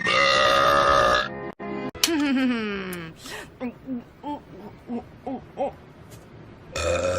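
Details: Acted female cartoon burping: cartoon voices and music, then a long falling belch followed by a run of short burps.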